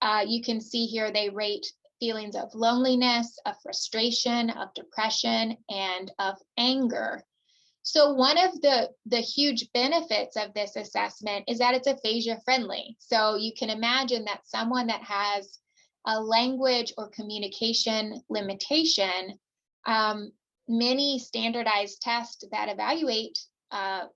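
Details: Adult woman; typical speech.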